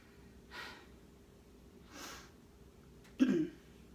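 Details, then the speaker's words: Patient with myasthenia gravis, before plasmapheresis, with lung tumours, short of breath after moving around and resting to recover: three quick audible breaths in a quiet room, the last louder; breathlessness after exertion. "makes me a little out of breath obviously and which I know part of that is from the tumors in my lines but um if I'll sit here for a little bit and just try to breathe and it'll get back to normal"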